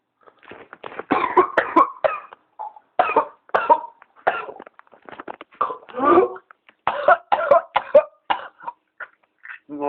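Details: Adult with whooping cough (pertussis), ill about 2 weeks, tested by a doctor and on medication, filmed around 7am: long run of harsh, closely spaced coughs in a paroxysm so severe breathing becomes impossible; fits cause dry heaving, vomiting, once blackout.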